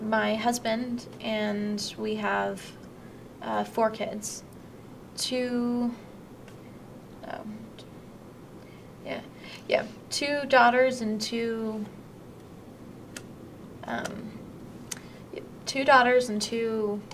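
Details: Mild Broca's aphasia (non-fluent aphasia), an acquired language disorder, in a woman who has difficulty expressing herself in conversation.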